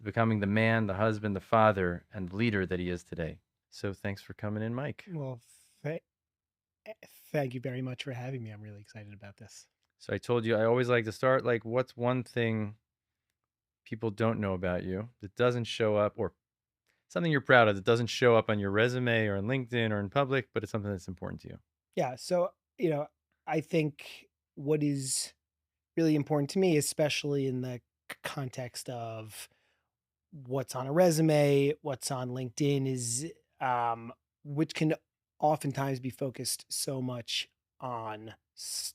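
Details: Adult man who has stuttered since childhood and describes a strong stutter with blocks; finding: stuttering.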